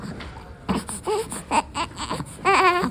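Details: Newborn about 9–14 days old: short whimpering fusses, then a fuller wavering cry. An ordinary infant cry.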